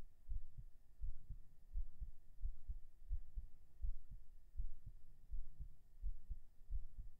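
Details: Binaural recording of a normal heartbeat right after 37 push-ups: steady paired low thumps at about 85 beats a minute with a faint background hum, slightly quickened after exercise.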